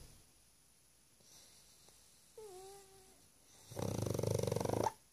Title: Loud snoring pug